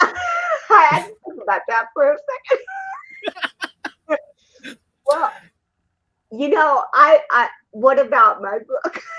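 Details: Adult woman, an actress and comedian, born with cerebral palsy in 1956; dysarthria due to cerebral palsy.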